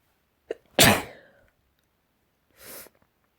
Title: Morning sneezes